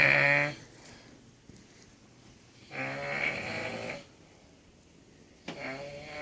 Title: Funny snoring